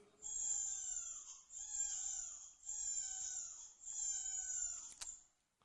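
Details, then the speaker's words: Newborn infant pain cry used as a teaching example: four intense, very high-pitched cry bursts with brief gasps between them. "For example, pain cries tend to have high intensity, high pitches."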